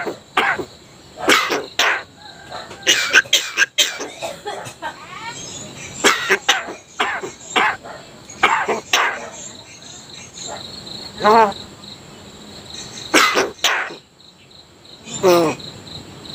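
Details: Repeated short, harsh cough-like bursts from a jalak kebo (buffalo starling), mixed with chirps and whistles over insect buzz. Owner attributes the coughing to staying up late too often; the bird can mimic human speech.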